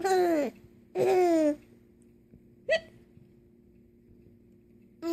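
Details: A baby's voiced giggles broken by short, abrupt hiccup catches in between. Hiccups mixed with laughter.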